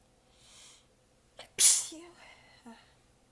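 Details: Soft inhale, then one sharp, partly held-back sneeze and a brief sigh, from an exhausted adult with sore abs biting back sneezes during a long, massive sneezing fit; a sneeze.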